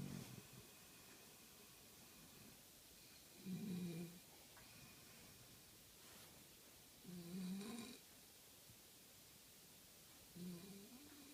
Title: FUNNY SNORING..